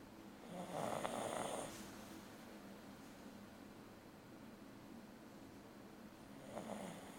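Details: Female sleeper snoring: two raspy, fluttering snores about five seconds apart over quiet room noise; ordinary snoring.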